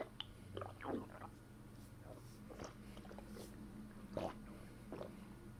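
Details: Adult's abdomen pressed down with a fist after a bowel movement: soft, irregular squelching gurgles in several bursts against low room hum, normal abdominal gurgling (borborygmi).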